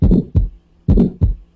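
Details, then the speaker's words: Aortic stenosis murmur: two heartbeats with a harsh crescendo-decrescendo systolic murmur filling the gap between the first and second heart sounds, louder at first and then dropping off. "and it occurs between the love and the dub or between s1 and s2 so we know that it must be aortic stenosis so this is what aortic stenosis sounds like"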